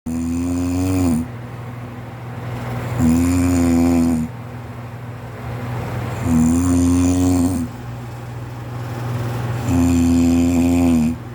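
Loud, regular rattling snores on inhalation, about 18 breaths a minute, with a quieter exhale between; heavy snoring.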